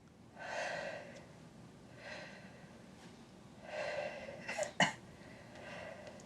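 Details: Adult patient at a GP consultation, stethoscope on the back, taking several slow, deep, unlabored breaths in and out through the mouth with a brief rustle; chest clear, normal breath sounds.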